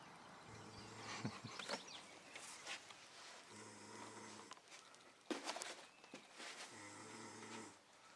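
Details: Man asleep in a hot hotel room around 5 a.m.: loud, buzzing, low-pitched snores about every three seconds, noisy breaths between, some room noise; snoring.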